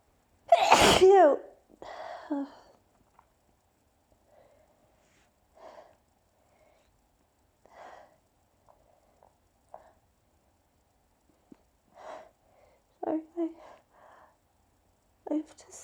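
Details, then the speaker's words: A loud, explosive sneeze, then quieter breaths and sniffles, from a person whose hay fever has been severe for several days, with an intensely tingling nose; repeated sneezing. "thank you i have i have to sneeze thank you i have to sneeze oh oh my nose really tingles today oh this is so loud"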